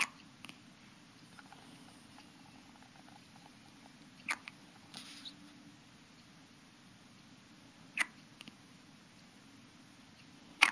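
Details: Hiccups.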